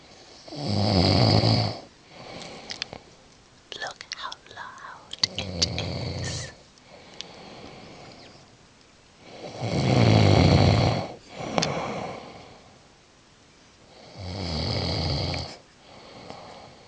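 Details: Man snoring in his sleep, unaware of being recorded: loud rasping snores on each breath, about four in seventeen seconds, with soft clicks and rustling between them; ordinary snoring.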